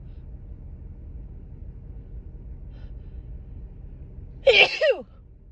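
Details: Female with an itchy, tickly cold and stuffed-up nose: after low room rumble, one forceful, long, drawn-out sneeze, from a series of big sneezes over a couple of days.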